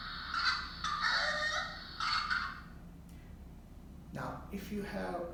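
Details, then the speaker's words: An infant patient's continuous run of harsh coughs, then ends in a high, honking, sudden indrawn gasp that vibrates the voice box: the whoop of whooping cough (pertussis). "in this sound bite a baby is coughing continuously and then his perhaps lungs are getting drained out of air so he wants to take a quick gasp of air to refill"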